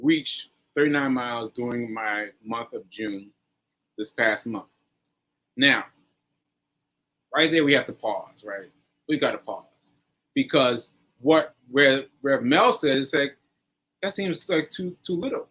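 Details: Aphasia in a man almost one year after a stroke on 7/14/22; this stretch shows word-finding pauses and fillers.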